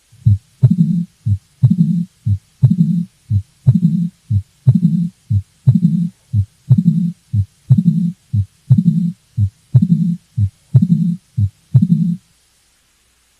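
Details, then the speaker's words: Mitral stenosis at about 60 bpm: S1, a gap, then S2 followed by a sharp opening snap and a low diastolic rumble murmur. "so what you're going to hear is the first heart sound followed by a gap and then you will hear the second heart sound in an opening snap and after the opening stamp you'll hear that diastolic rumble murmur of mitral stenosis"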